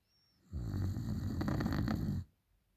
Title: Me snoring after a long day at work